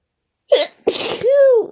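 A sharp in-breath and then an explosive burst of air with a voiced cry at the end, a single sneeze.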